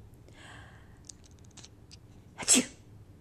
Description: My cat Furry Lewis is deeply annoyed when people sneeze....even fake sneezing. He usually knows you are going to sneeze before you do.